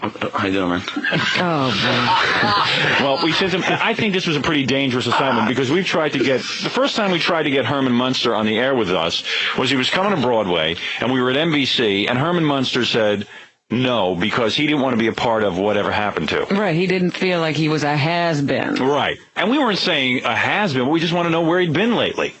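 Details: Adult male speaker, radio broadcast; normal fluent speech.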